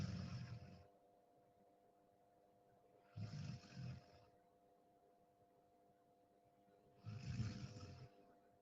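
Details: Deep sleep snoring: soft, rough, low snores about every four seconds under a faint steady room hum.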